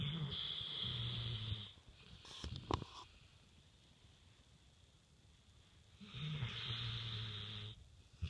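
Two low, buzzing snores several seconds apart, with a brief snort between them; snoring during sleep.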